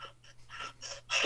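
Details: Cheyne-Stokes respiration.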